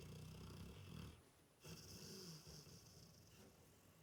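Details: Low, rough, rattling breathing noise with a brief pause, then resuming; snoring during sleep.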